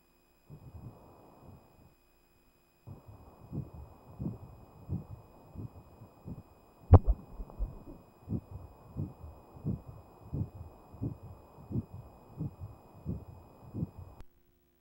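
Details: Regular soft whooshing pulses at roughly 110 beats a minute after a brief pause and one loud click: an early fetal heartbeat on ultrasound at 6 weeks.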